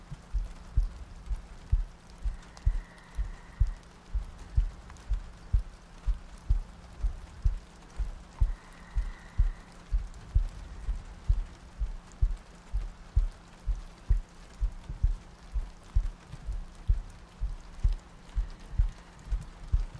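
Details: ASMR sleep-aid loop of soft breathing, heartbeats and rain ambience: steady low thumping heartbeat at about 63 beats a minute, soft rain and faint breathing behind.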